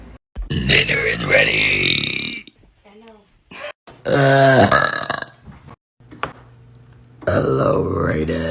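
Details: Adult woman (mother) burping hard, giving several long, loud, deep belches with short pauses and brief voice sounds; she says she sometimes swallows air. Repeated burping.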